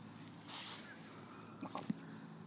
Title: Three Little Pigs Spoof (sneeze/snort)